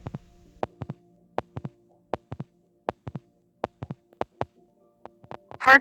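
Simulated heart sounds with sharp, regular beat pairs, played as the example for a heart attack.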